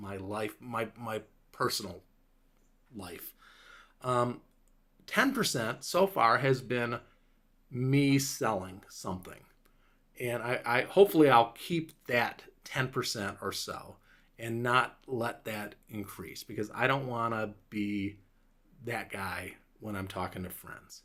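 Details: Adult man five years after a stroke, with a clot lodged in Broca's area of the left frontal lobe; much of his speech has recovered but word-finding difficulty remains; Broca's aphasia (mild, recovered).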